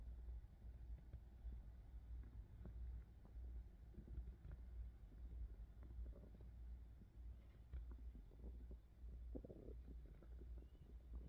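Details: Hunger-related stomach growling recorded close to the belly: low rumbling with scattered gurgles and squeaks over a steady low background hum; borborygmi, normal digestive sounds.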